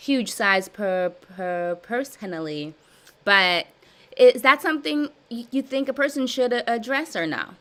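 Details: Adult woman with stuttering since childhood, with severe blocks, in a live stuttering therapy session practicing voluntary stuttering and cancellations; word repetitions and revisions; stuttering.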